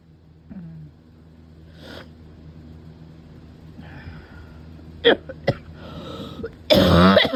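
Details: Adult who cannot stop coughing, in another attack: a few sharp, harsh cough bursts ending in a louder, rougher barking cough.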